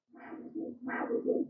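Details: Handheld Doppler arterial signal, each beat a sharp systolic forward surge then smaller back-and-forth diastolic components: a normal triphasic arterial flow signal, demonstrated in peripheral arterial disease teaching.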